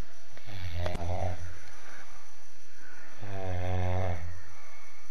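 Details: Two loud, deep, rattling snores on breaths in, about three seconds apart, from a sleeping person; heavy snoring.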